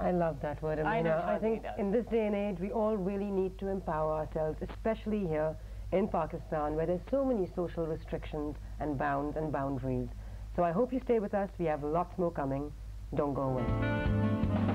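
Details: Adult show host; fluent speech.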